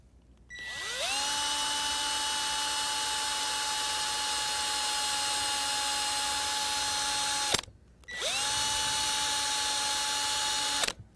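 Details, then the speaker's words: High, steady motor whine winding up, running about seven seconds, stopping, then running again: surgical power drill inserting a distal olive wire from fibula toward anteromedial tibia during Ilizarov frame application on a saw bone model for uniplanar deformity correction. "Our second reference element will be distal olive wire, and this wire will be inserted from the fibula towards anteromedial surface of the tibia."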